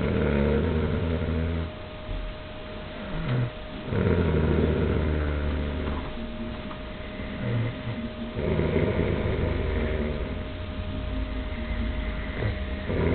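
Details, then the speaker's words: Low, rough rattling snores repeating with each breath, a few seconds apart, from a sleeping father who denies snoring; ordinary snoring. "This guy's snoring. No, he's denying it. But he was snoring."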